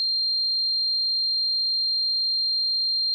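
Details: Simulated tinnitus sound effect: a steady, unbroken high-pitched tone with no other sound, imitating the constant ringing heard in tinnitus.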